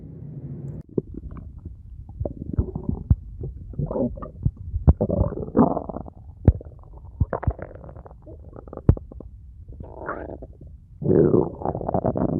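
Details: Abdominal auscultation in suspected ileus with abdominal distension: loud, frequent, intense, prolonged gurgles and rushes, hyperactive bowel sounds which, with pain, support mechanical ileus (intestinal obstruction).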